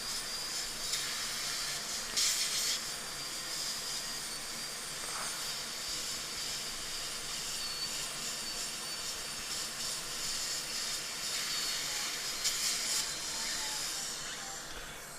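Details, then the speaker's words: High-speed dental drill at 3.25 power, with a different burr, cleaning out old composite filling on a tooth with microleakage and hidden decay, under a dental microscope: continuous high hiss with a thin whine and spray noise. "And I'm just going to go in here. This is all old composite. Just going to clean that out."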